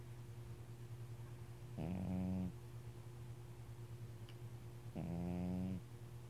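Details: Gary snoring: two drawn-out, low, buzzing snores with a steady pitch, separated by quiet breathing, over a constant low background hum.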